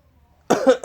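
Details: An adult gives one loud, abrupt cough after brief silence, another sound beginning at the end; pet cat said to dislike loud noises; cough.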